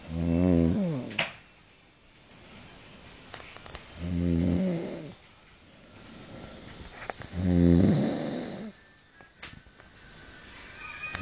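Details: Snoring in sleep at 5 a.m. after vomiting, the person sitting in a chair with the head bowed forward: three loud, rattling inspiratory snores, about 17 a minute, with quiet exhalations between.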